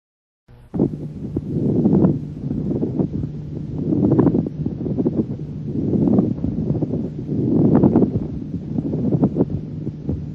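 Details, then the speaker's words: Very rough pleural friction rub: loud, coarse creaking and grating rub repeating with each breath over the chest; easily confused with extrathoracic parasitic noises. "le frottement pleurales et facilement confondus avec des bruits parasites extra thoracique"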